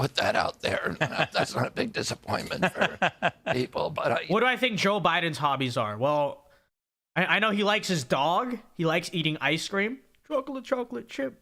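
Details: Adult male speaker; ordinary speech.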